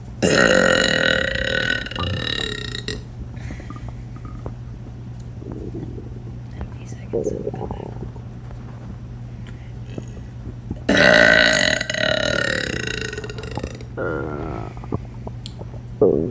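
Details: Girl burping deliberately: two long, loud burps with a faint stomach growl or gurgle between them; ordinary belching.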